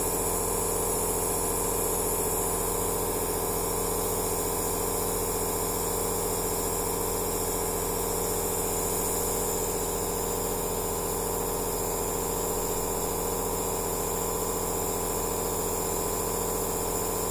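Constant loud mechanical hum and hiss with a steady buzzing motor throughout; an aerosol nebulizer machine running.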